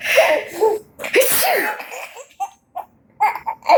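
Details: Baby sneezing amid giggles and laughter, then short playful squeals; the baby seems to find sneezing funny.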